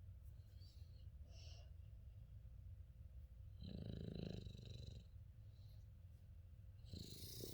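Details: A female English Bulldog/Shar Pei mix asleep: low, rattling breaths with fluttering snorts on each in-breath over steady background hum; snoring.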